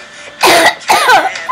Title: Cough attack to one thing